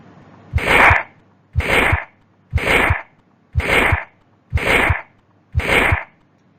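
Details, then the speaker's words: Pediatric cardiac auscultation example of ventricular septal defect: regular heartbeat near 58 a minute with a harsh pansystolic murmur filling the gap between heart sounds, heard maximally at the lower left sternal border and radiating over the precordium. "percystolic murmur heard maximally over the lower left personal border and usually radiates all over the pericardium"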